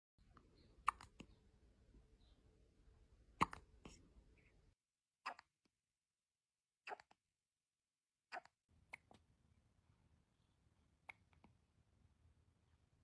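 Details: Brief, sharp baby hiccups, roughly 24 a minute at an uneven rhythm, against faint room hum.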